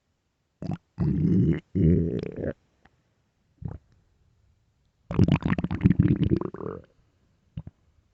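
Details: Loud, low gurgling and groaning rumbles in irregular bursts with short pops between: stomach growling (borborygmi) from an empty, active gut in a starving, hungry person.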